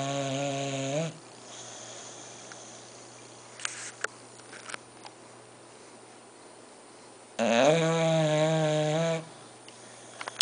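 Loud, droning, tonal snores lasting about two seconds each, separated by long quiet pauses in a small room. Ordinary snoring in sleep.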